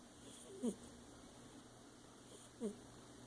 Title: precious snoring